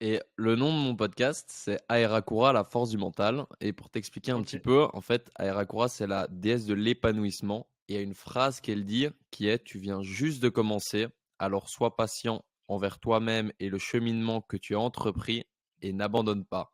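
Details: Adult male speaker; normal speech.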